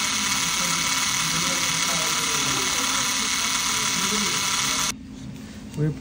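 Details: Open reduction and internal fixation of the fourth metacarpal fracture in a 30-year-old musician. Continuous high whirring from a powered surgical driver, stopping abruptly, while a lag screw is placed.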